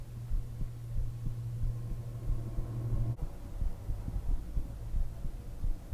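Steady low thumps at about 90 a minute over a constant hum, a regular heartbeat.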